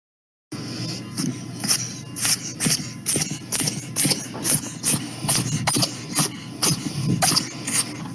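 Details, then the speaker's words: Ferret sneezing: a rapid run of about fifteen short, sharp, hissy bursts over several seconds, presented as a sound heard when a ferret is unwell. "if ferrets get sick fred is not feeling good well so you have to absorb this sound and this is sneezing"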